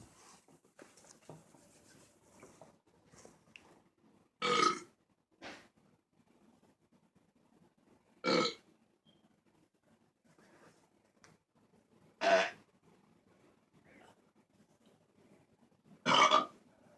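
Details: Four loud, deep burps at irregular intervals, about one every four seconds, in a quiet room; ordinary belching.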